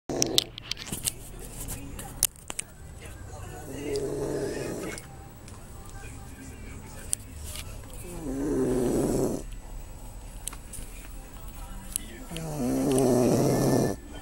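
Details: Three loud, rough snores about four to five seconds apart during sleep at night, with clicking and rustling between them; snoring.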